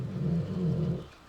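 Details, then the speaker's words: Dog named Sky snoring: a single low, rumbling, fluttering breath lasting about a second, then fading, quiet room noise behind. "you hear that's uh Sky snoring"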